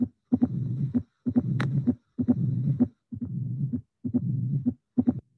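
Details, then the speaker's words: Teaching recording: regular cycles near 65 a minute with first sound, second sound and high-frequency opening snap, then a low diastolic rumble of increasing intensity varying cyclically; tricuspid stenosis. "The finding number one is that we have a rhythm with three sounds that are first sound, second sound, and opening snap is a high frequency. Then the other finding is that we have the diastolic rumble."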